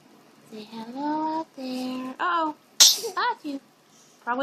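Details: Baby boy cooing while his mother talks to him, then a sharp sneeze burst followed by more cooing; said to sneeze three times like his father; sneezing.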